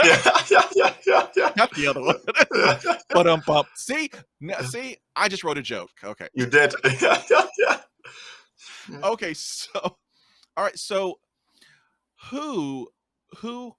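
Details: Stuttering in a podcast host who describes himself as a person who stutters and has a speech impediment.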